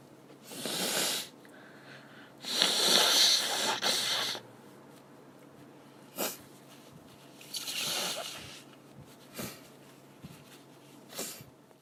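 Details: Adult female gives a stifled sneeze and several sneezes, one muffled, ending with brief nose-blowing.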